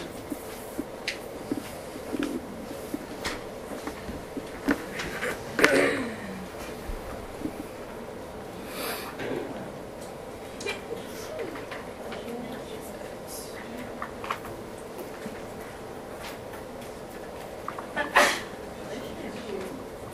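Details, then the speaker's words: Fine (high-pitched) crackles: faint, scattered brief non-musical pops over steady room and air-conditioner noise. "They may be classified as high or low pitched. High-pitched crackles are also called fine crackles."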